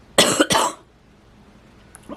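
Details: Adult woman with chronic asthma during a flare: two short, harsh coughs in quick succession, then quiet.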